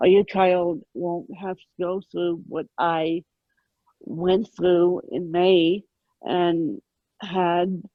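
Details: Adult woman with moderate ataxic cerebral palsy present since birth, attributed to lack of oxygen at birth; ataxic dysarthria (cerebral palsy).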